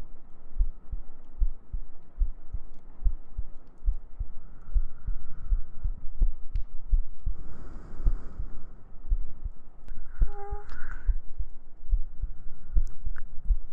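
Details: ASMR heartbeat recording for sleep: soft, steady low thumps with faint humming behind them, a regular heartbeat.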